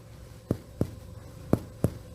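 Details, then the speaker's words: Four low, hollow percussion taps over the chest, demonstrating the resonant note of normal air-filled lung: a chorus of low-pitched sounds from relatively hollow, airy tissue; resonant percussion note. "resonance is the sound of a chorus of low pitch sounds throughout a tissue that is relatively Hollow it's not a hollow viscous it's not a drum but it is nonetheless Airy and light and that perfectly describes the chest right"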